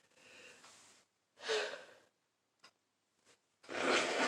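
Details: Breathy in-breaths, a sneeze, brief sniffs, then a second sneeze from an adult with a full-blown cold caught from family over Christmas.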